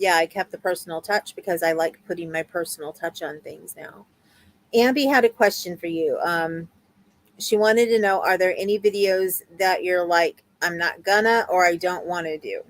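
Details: Adult woman speaking; typical speech.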